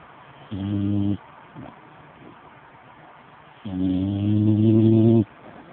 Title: snoring 2